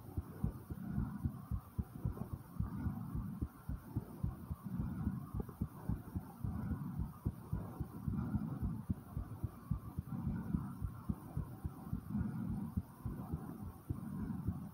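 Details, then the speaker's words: Heartbeat recorded after 10 jumping jacks, with breaths in and out; rapid low thudding over a steady hum with waves of breathing; normal fast heartbeat after exercise. "Was my heartbeat. I did some jumping jacks and I even breathed in and breathed out."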